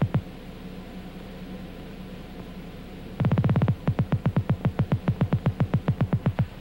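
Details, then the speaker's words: Rapid train of sharp clicks over steady hum, speeding up during stretch at constant velocity: loudspeaker monitoring group Ia afferent fibre discharge from the primary ending of an isolated living muscle spindle alternately stretched and relaxed. "as the muscle is alternately stretched and relaxed the primary sensory spirals open and close the loudspeaker monitors the effluent discharge in the group 1 e afferent fiber"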